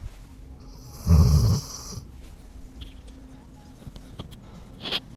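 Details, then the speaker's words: Very old 14-year-old sleeping dog, said to be snoring louder now, gives a deep, rattling snore, then quieter breathing and a small snort; snoring. "Y eso tiene 14 años, ¿eh? Ya es un perro muy viejito, está roncando más fuerte, ¿eh?"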